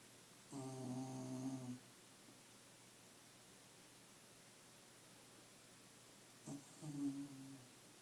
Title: Scottie snoring like a Mac truck